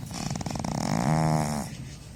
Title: Cute Pug Snoring | Puppy | #shorts